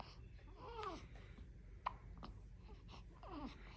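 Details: Premature newborn girl, one week old, interacting with grandmother: a few abrupt jerky hiccups mixed with soft fussing noises; normal newborn hiccups, with sneezes occurring at the same time.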